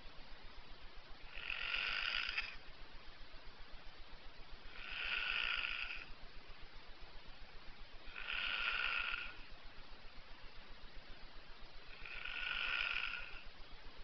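Four nasal, squeaky, quacking snores about every 3.5 seconds, roughly 17 a minute, over steady hiss; snoring with a duck-like buzzing tone.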